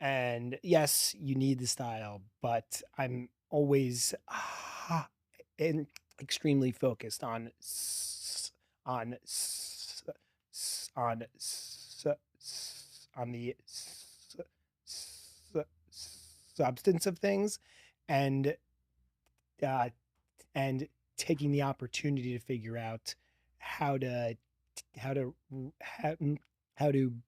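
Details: Stuttering in a 40-year-old man, real, who has stuttered since childhood and describes a strong stutter; part-word and word repetitions are audible in spontaneous interview speech.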